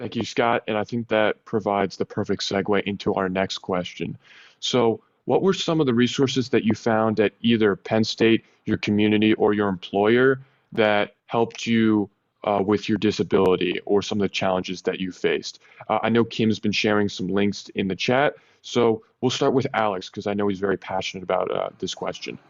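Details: Adult male speaker; typical speech.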